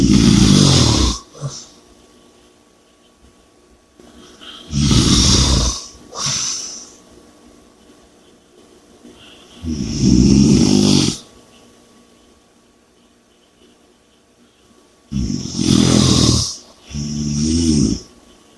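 Loud, rough snoring on the in-breath with noisy out-breaths, about every five seconds, roughly 12 breaths a minute; heavy snoring.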